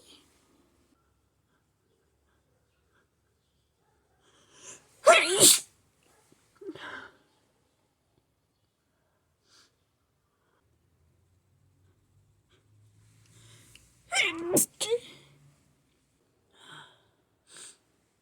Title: Sneeze fit with nose blowing